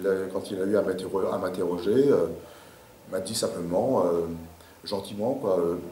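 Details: Adult man speaking French; stuttering.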